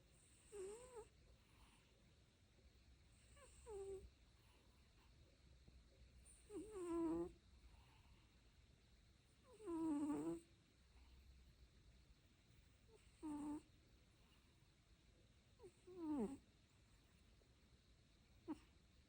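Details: Snoring: soft, irregular breaths with a low nasal rumble, roughly every three seconds, about 19 a minute, in a quiet room.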